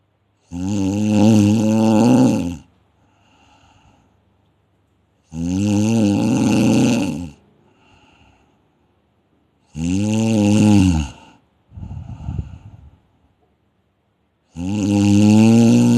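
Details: Loud, harsh snores on each breath in, with quiet breaths out between, at about 13 breaths a minute.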